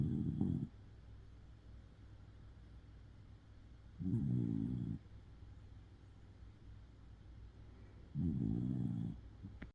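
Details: Sleeping Shiba Inu dog that seems tired: low, rumbling snores about every four seconds, roughly 15 a minute; snoring.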